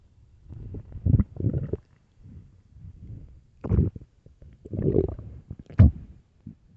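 Deep, irregular gurgling rumbles in several bursts, typical loud stomach growling from an empty stomach.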